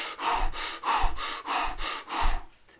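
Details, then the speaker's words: Hyperventilation demonstrated on purpose: quick, forceful breaths in and out, about five in three seconds, breathing in and out very fast. "hyperventilating is breathing in and out very fast like this"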